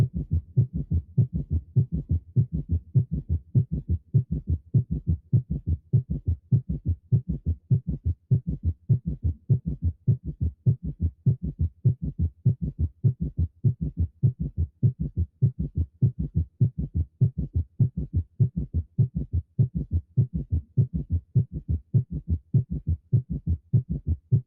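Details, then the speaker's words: Regular low heart thumps with an extra soft sound late in diastole, just before the first heart sound (presystolic): fourth heart sound (S4 gallop); teaching example. "el cuarto ruido pertenece a la dio es la pregunta más fastidiosa digo el rido que está presistólico es decir antes de la sistol"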